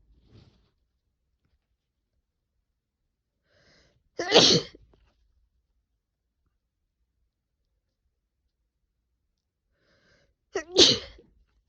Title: I have a cold so i sneeze a lot